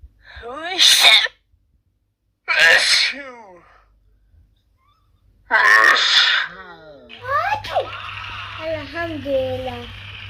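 Three sharp, explosive sneezes, followed by brief voices and a background hum.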